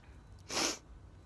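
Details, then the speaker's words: Single sudden, forceful, hissing sneeze lasting about a third of a second in a quiet room; a short sneeze. "That was a short one again, but anyway, it was a sneeze anyway."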